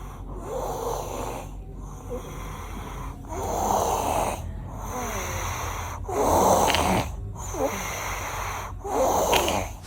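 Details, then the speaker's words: Feverish sleeping child, later having tonsil surgery, snores loudly and rhythmically with each breath, chest and shoulders heaving; mother suspects abnormal snoring heading toward sleep apnea; obstructive snoring. "Terus aku lihat dia ngorok. Menurutku ngoroknya tuh udah enggak normal menuju ke slip apnea."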